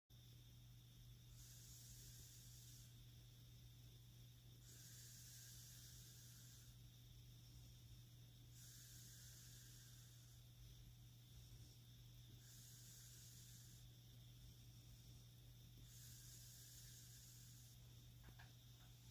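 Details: Loud snoring with rhythmic airy mouth puffing and hissing breaths during sleep, about 16 a minute, over a steady low hum.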